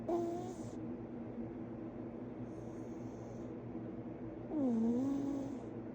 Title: He is so good at sleep he can do it with his eyes closed #cat #snoring #fostercat #snoringcat